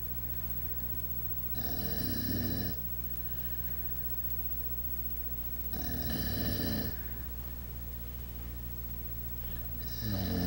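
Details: Max snoring: low rattling rumbling snores every four seconds or so, about 15 breaths a minute, over a steady mains-like hum.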